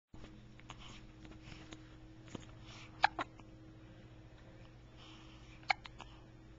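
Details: Sharp, sudden clicking gulps, about three in a few seconds, over faint room hum, recorded with a Flip Video camcorder; hiccups.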